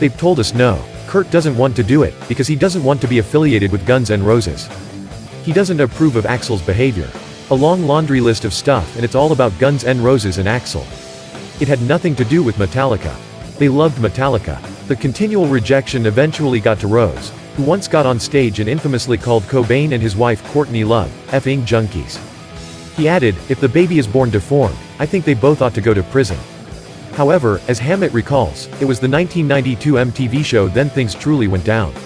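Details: Adult male narrator; normal speech.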